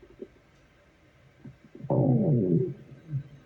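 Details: Stomach growling at work: a few soft gurgles, then a loud, drawn-out, falling groan lasting nearly a second; borborygmi, a normal gut sound.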